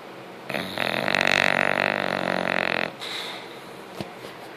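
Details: Bulldog snoring: single loud, rattling, fluttering snore on the in-breath lasting about two seconds, followed by a softer, quieter out-breath; dog snoring.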